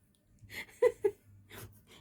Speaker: อุ๊ยท้องร้องได้ยินมยเพื่อนๆได้ยินเสียงท้อง